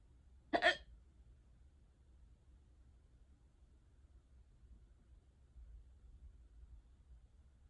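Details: Unusually bad, persistent bout of hiccups: a single short, sharp hiccup followed by several seconds of quiet room noise.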